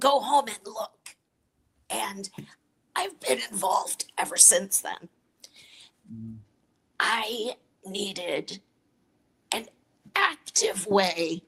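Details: Adult woman with chronic dysphonia (voice disorder), treated with Botox injected into the vocal cords every three months; real patient speaking; dysphonia (voice disorder).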